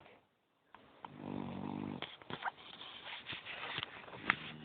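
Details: Snoring from a sleeping pit bull: one low fluttering snore followed by snuffling and small clicking noises.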